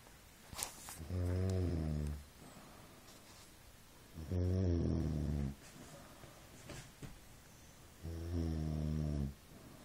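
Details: Snoring: three loud, low, rumbling snores on breathing in, about 18 per minute, with quiet breathing out between them.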